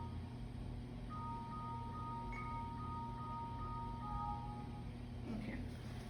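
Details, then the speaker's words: Soft, bell-like chime of a few tones over quiet room hum from a Compact Touch ultrasound biometer after 10 eye length measurements of the right eye, with the patient looking straight ahead, during staff training. "we're done with the right eye so the chime that you heard at the end is what we're looking for that means that we've got the 10 measurements we need"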